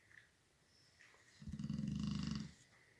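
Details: Snoring of a sleeping female, recorded alongside her husband, who is also snoring on her other side. The snoring gets much louder with both together; one low, rattling, snorting snore in a quiet room.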